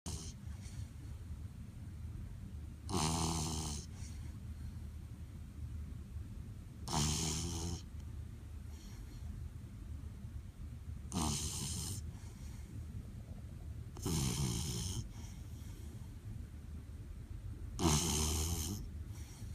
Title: Puppy snoring!